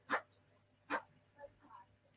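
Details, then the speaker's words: Sneezing in an ill pet dog that is on antibiotics and getting worse, needing to return to the vet: two sharp, explosive snorting sneezes close together, then soft sniffs. "Can you hear him sneezing? Oh, my baby. Oh, my baby. You're going to have to go back to the vets, mate. You're getting worse."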